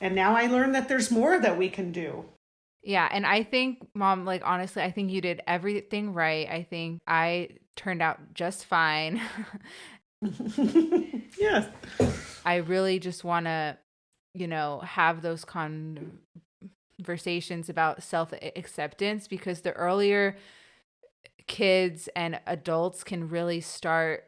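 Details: Young woman who has stuttered since about age two or three, had speech therapy after school and hid her stutter growing up, speaking in an English podcast conversation with part-word repetitions; developmental stuttering.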